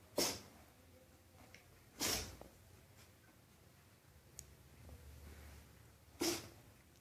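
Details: Puppy sneezing in a quiet room: three short, sharp sneezes a few seconds apart; sneezing.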